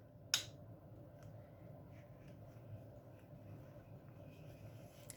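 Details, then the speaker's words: A single sharp click as the medication cassette locks onto a CADD ambulatory epidural/PCA infusion pump, demonstrated in staff training, followed by quiet room noise. "je vais la tâche et dans le fond après ma caisse après ma pompe juste en bas ici et vous allez entendre un clic"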